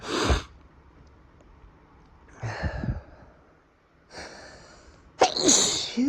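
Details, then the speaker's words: Sniffles and repeated sneezing: several sharp sneezes with quick inhaled sniffs, snorts and panting between, about four bursts in six seconds. "Like when I sneeze for you. Let me sneeze some more for you."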